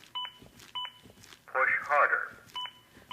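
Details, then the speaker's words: Short electronic beeps repeating at a steady pace from a ZOLL AED Plus simulator trainer: an adaptive CPR metronome that monitors chest compressions judged not hard enough and pushes the rate to at least 100 per minute. "not pushing hard enough the beats act as an adaptive metronome that monitor is my compressions and tries to speed them up to at least 100 per minute"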